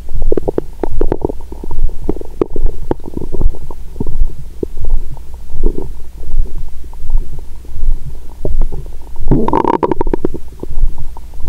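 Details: Adult woman's abdomen heard through a stethoscope after breaking a 22-hour fast with a meal and wine: continuous low gurgling and popping with a louder burst near the end; normal active bowel sounds after eating.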